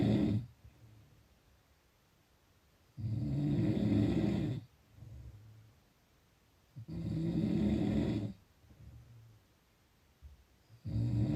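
Loud, rough snores with each breath in, softer breaths out, about 16 breaths a minute; steady snoring.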